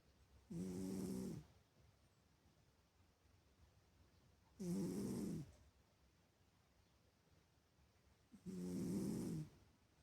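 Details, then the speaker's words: Snoring from a cat still asleep in the morning, said to snore like a human: three regular rumbling snores about four seconds apart, roughly 15 breaths a minute, with quiet pauses between. "Доброе утро всем. Бастюша ещё не проснулся. Вот так он храбит."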